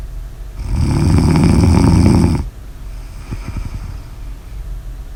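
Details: One loud, harsh, fluttering snore on the in-breath, then a quieter out-breath with a brief soft rattle; snoring.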